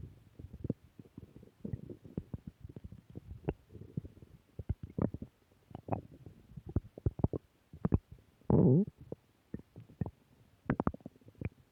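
Irregular low gurgles, rumbles and squeaks of stomach growling, ordinary gut sounds from moving gas and fluid.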